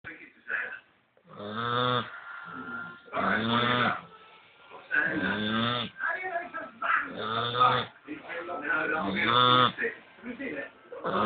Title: staffie pup snoring